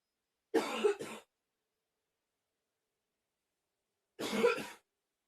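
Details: Harsh, short coughing: a double cough, a pause, then a single cough, with the person saying "ow" around the coughs.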